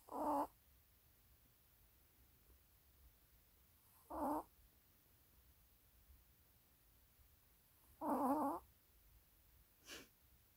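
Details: Maltese puppy sleeping in a quiet room, giving short, squeaky, nasal snores, about four in ten seconds; dog snoring.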